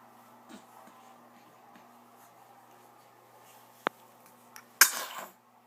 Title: Newborn sneeze